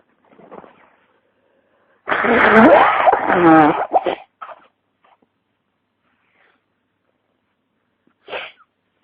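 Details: A short lead-in breath, then a loud voiced sneeze with trailing sounds and a brief sniff, from a person with flu and congestion who reports a pounding head; sneezing.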